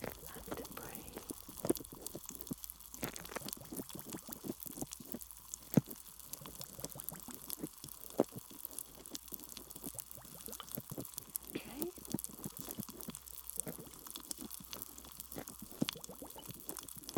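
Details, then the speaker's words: Simulated ear microsuction in a role-play of grommets slipped behind the eardrum: close-up crackling, popping and sucking noises over a low hiss as suction clears the ear canal. "Alright, so I'm just inserting the Microsuction tool now. Okay, and away we go. Strange sounds."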